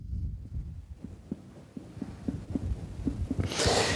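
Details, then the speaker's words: Rapid hollow, drum-like taps during abdominal physical examination, fingertip percussion of the index and middle fingers striking the left hand's phalanges, starting on the left side: tympanic percussion note over gas-filled viscera. "we will start on the left it is in this area at impanic percussion that is we are recruiting aerial areas with the presence of gas inside viscera"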